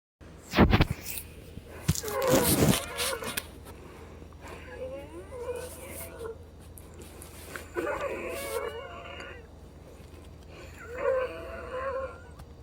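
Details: An adult woman with Down syndrome (COPD) wheezes again soon after a DuoNeb breathing treatment at 8 AM, with repeated high, whistling, wavering breath sounds from narrowed airways; wheezing.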